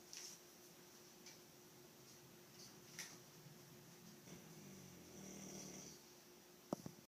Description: Dog snoring